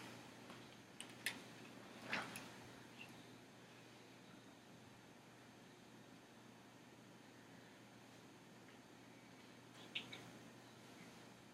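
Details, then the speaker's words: Scattered brief gurgles and clicks heard by stethoscope over the abdomen of a male with abdominal pain, consistent with normal active bowel sounds in all four quadrants. "okay bowel sounds were heard and offered quadrants with normal active frequency"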